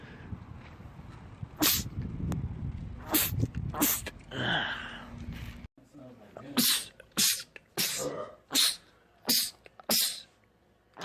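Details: Male, from a compilation of rapid sneezing attacks in men: sharp sneeze bursts in quick succession, mixed with talking and room noise; rapid repeated sneezing.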